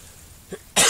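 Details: Cough from an adult on the third day of a severe flu with high fever, camping in the wilderness.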